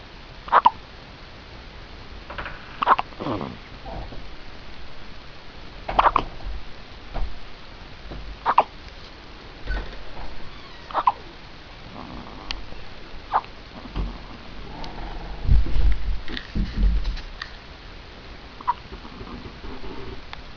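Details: Hiccups in a growing child lying down: brief, sharp, repeated hiccups about every two to three seconds, with room noise and rustling between.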